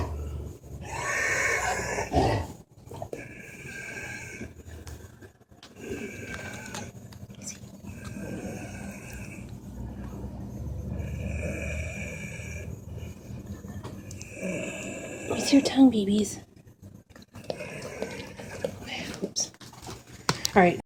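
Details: A dog with laryngeal paralysis makes loud, harsh, raspy breaths that repeat steadily during an episode of respiratory distress despite medication, which was given about an hour late; inspiratory stridor needing emergency vet care.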